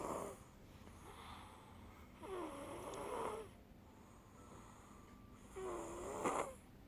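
Rhythmic snoring from a sleeping adult, three loud rattling inhaled snores about every three seconds, with quiet breathing between; snoring.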